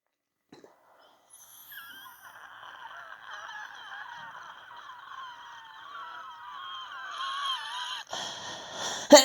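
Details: Wheezing with influenza A: high, whistling musical tones that waver in pitch, continuous across a long breath.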